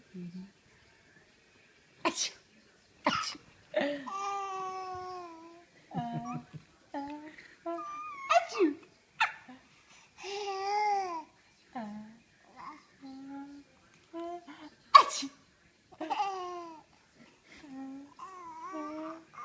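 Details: Mother and baby playing a sneeze game: playful voiced sounds, laughter and babble with a few sharp sneeze-like bursts, mostly imitated "achoo" sneezes in play.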